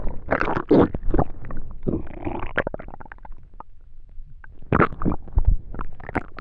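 Loud low gurgling and rumbling bursts in irregular runs, typical stomach growling from digestion.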